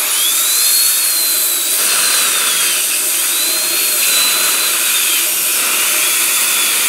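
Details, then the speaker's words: High-speed dental handpiece drilling an access opening into a molar for a root canal on a training model, after anesthetic and rubber dam placement; continuous high-pitched whine dipping under load. "okay so we would have a much bigger hole but because this is a Dexter it's a little bit harder to drill through"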